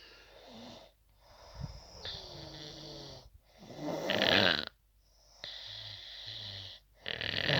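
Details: Loud, harsh snoring with whistling, rattling breaths in and out and brief pauses between them; heavy snoring.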